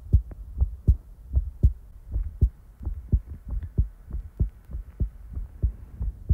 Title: Heartbeat ASMR ♡ (Relaxing, Peaceful, & In-real time) ☁️